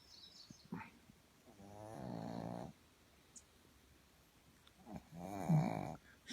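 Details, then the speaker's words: Tired pug sleeping in a shady spot outdoors in a national park: two loud, rattly snores with soft breathing between them, against quiet outdoor background with birdsong. "peaceful. Sound of the birds and a snoring pug."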